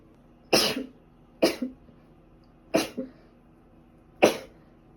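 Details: Four short, sharp, dry coughs about a second apart, some with a quick second catch, from a woman with a bad cold.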